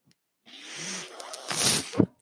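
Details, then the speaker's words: The podcast host's own mechanical ventilator, heard while he speaks: a soft rising rush of air swells into a louder hiss, then a short valve-like thump, one ventilator breath cycle. "hello everyone my name is that noise earring is my ventilator and welcome to page-turners"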